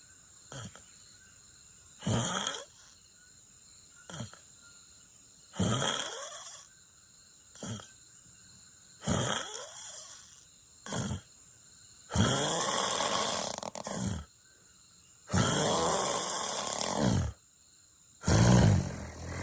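Loud, harsh snores in a repeating pattern, some short and some drawn out, with quiet pauses between.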